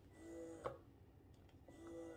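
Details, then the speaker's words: Quiet steady motor hum with faint tonal whine and soft clicks; Baby Express Be Free wearable electric breast pump switched on, running unattached to bottles or breast at top setting, for loudness comparison. "you can hear how loud is it right i compared to this one all right since now i just switched it on you can hear this"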